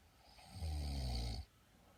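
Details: A single low, droning snore lasting under a second, then quiet; snoring from a sleeping person.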